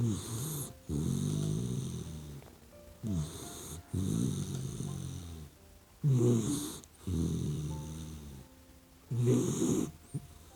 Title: GOODNIGHT BABY❤ OUR PUPPY DOG SLEEPING and SNORING LIKE HUMAN?🐕 I LOVE YOU🥰